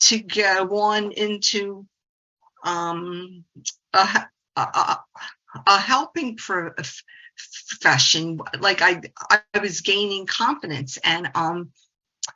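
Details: 68-year-old woman, a speech-language pathologist who stutters, says the stuttering support community changed her life 25 years ago; stuttering.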